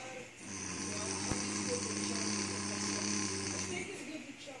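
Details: One long, rough, droning snore with a fluttering buzz, lasting about three seconds, from a sleeping adult woman; snoring.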